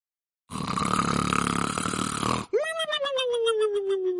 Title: Funny Snoring Sound